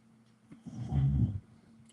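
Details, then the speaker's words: Snoring from a female dog, audible during an indoor live stream; the owner describes it as very loud. "This damn dog snoring like crazy if you can hear her."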